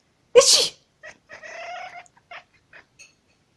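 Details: A sneeze from the cat's owner, which the cat responds to: a sneeze.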